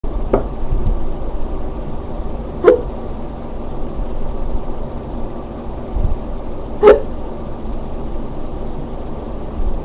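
Two or three brief sharp catches over a steady low hum, spaced a few seconds apart, consistent with hiccups.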